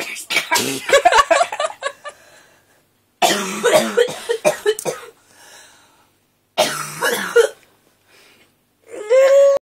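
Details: Suppressed cough: muffled, held-back coughs and throat clearing in three clusters, ending in a brief voiced sound.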